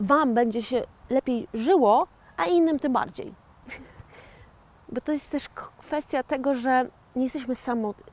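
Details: 41-year-old woman who had a stroke in 2009, speaking years later as a stroke survivor with aphasia; aphasia after stroke.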